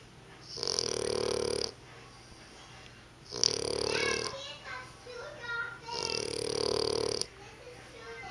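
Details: Bulldog snoring: three loud, harsh, rattling snores about one second long, with noisy snorting between them.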